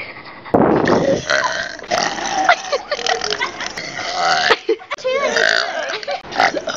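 An adult lets out a long, loud, drawn-out burp with a rough, croaking quality, then shorter follow-up belches.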